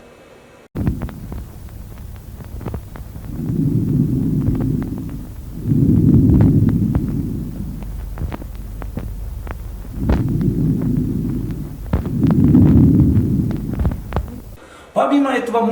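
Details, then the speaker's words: Lung auscultation teaching recording, heard above the zone of dullness over pleural effusion: harsh, hollow breath sounds with a brief pause between inspiration and a loud, long expiration; bronchial breathing. "в области тупости дыхания не проводится выше их сюда то может прослушаться и бронхиальное дыхание теперь прослушаем бронхиальное дыхание"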